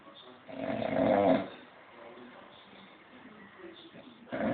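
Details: Snoring while resting after a music gig: one loud, rough, rattling snore on an in-breath, then quieter breathing, with another snore starting at the end; ordinary snoring.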